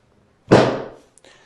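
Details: Chiropractic drop table adjustment of the pelvis in a woman with sacroiliac joint trouble; a single loud thud as the drop section falls, fading over about half a second.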